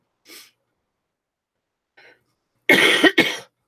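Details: Adult woman with a cold and runny nose, ill for nine days; two faint breathy coughs, then two loud harsh coughs in quick succession.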